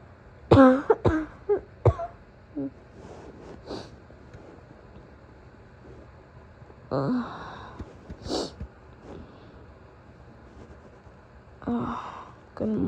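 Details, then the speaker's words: Simulated roleplay morning cough by an adult woman playing a sick girlfriend: throat clearing, then clusters of harsh coughs with quiet gaps, turning from wheezy to barking; acted cough. "Sorry I woke you up. I hate being sick. The worst part is always the Morning cough."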